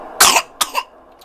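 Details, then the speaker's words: Infants with their first cough and cold: one is coughing and the other is snotty. Two short, harsh coughs, each with a quick noisy onset and a fading tail. "uhoh we got coffers uhoh we got coffers we got coughing and snotty"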